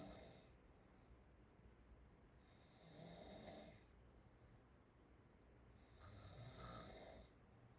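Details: Chinese girl open-mouth snoring: soft rhythmic snores with airy rattling breaths about every three seconds, roughly 18 breaths a minute, in a quiet room.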